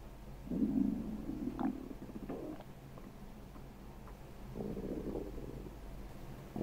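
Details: Girl's stomach while she sleeps: low gurgling rumbles and brief squelches in bursts over a steady background hiss; ordinary active bowel sounds.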